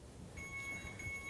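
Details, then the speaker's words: Electronic infusion device alarm during a nursing demonstration of regulating an IV infusion: a steady high-pitched tone over low room noise, signalling that the patency of the system should be assessed. "if the alarm on the electronic infusion device sounds assess the patency of the system promptly"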